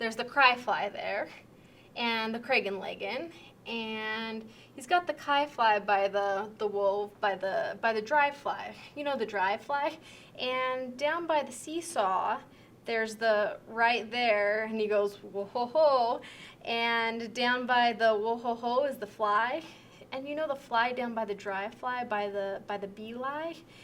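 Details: Severe transcortical sensory aphasia, demonstrated in a picture description: fluent connected speech with relatively intact sentence structure but lacking meaning, mixing real words, made-up words, mixed-up sounds and unrelated words.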